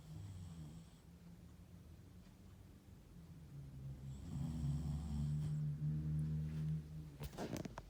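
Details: West Highland White Terrier (Westie) dog snoring: low, soft rumbling snores on each breath, louder midway, with a faint snuffle at the end.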